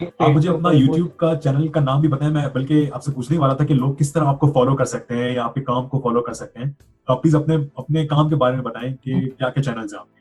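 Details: Adult male speaker; typical speech.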